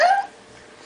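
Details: Young boy with hiccups, which he often gets: a single brief, sharp voiced hiccup fading quickly into quiet room sound.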